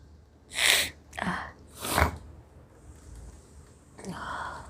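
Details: Woman's sneeze deliberately induced by sniffing chili (mirchi) in a sneezing challenge: sharp inward gasp, one forceful sneeze, then quieter breaths and snorts in a small room.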